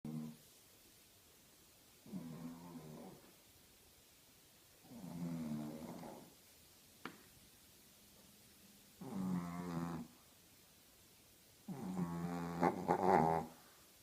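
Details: A 13-year-old female Shih Tzu snoring very loudly in sleep: rattling snores on each breath with quiet pauses between, loud enough that she is kept out of the owners' bedroom.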